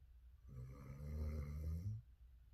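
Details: A Weimaraner dog sleeping on the couch gives one deep, rumbling, low-pitched vibrating snore lasting about one and a half seconds; dog snoring.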